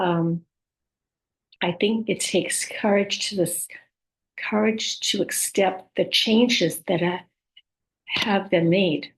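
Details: Woman with aphasia, apraxia of speech and dysarthria after a stroke: aphasia with apraxia of speech and dysarthria.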